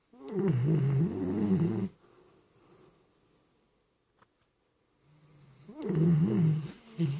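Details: Two long, loud, low rattling snores separated by a quiet pause of a few seconds; snoring during sleep.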